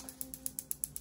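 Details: Piezowave2 focused shockwave therapy (ESWT) on wrist or elbow pain, probe held over painful dysfunctional tissue near tendon, ligament and bone; rapid, evenly spaced sharp clicks, about eight per second, over faint hum; shockwave therapy pulses.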